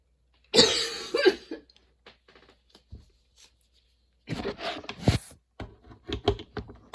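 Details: Prolonged, nonstop coughing fit that appeared suddenly and kept worsening, bringing tears and frequent position changes; harsh repeated coughs in bursts with short gasps between them, never settling.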